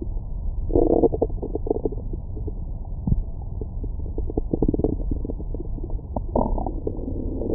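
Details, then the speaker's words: Abdomen recorded with a stethoscope microphone after a large meal: muffled gurgles, pops and short squeaky rumbles; normal active bowel sounds, stomach growling. "뱃속 안에는 다양한 생물들이 살고 있어요. 안에 뭔가 화가 잔뜩 나신 아주머니도 계시는 것 같고 막 한 번씩 아 이런 느낌의 사운드도 들어보실 수 있습니다."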